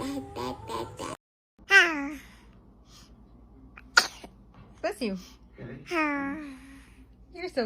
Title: Cutest Babies Sneezes #short #babies #babysneezes